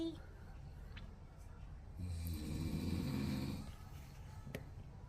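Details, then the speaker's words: A father snoring while the household cat kneads: a rough, low snoring rattle swells during one inhaled breath over quiet room noise, with a faint click near the end; snoring. "코고는 소리랑 같이 자장가로 들어와야 된다 우리 집에 오면 저 소리가 자장가 란다"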